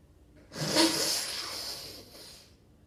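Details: A single sudden, forceful burst of air through the nose while standing, trailing off in a long hiss: a sneeze.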